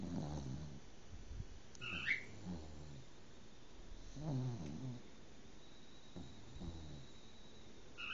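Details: Cocker spaniel sleeping curled up after daycare, a long walk and a bath; low rumbling snores in uneven bursts with a brief higher nasal squeak, ordinary snoring.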